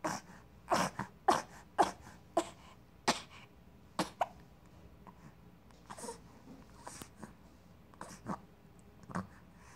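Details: Hiccups: a run of short, abrupt breathy jerks, fast at first then slowing and fading.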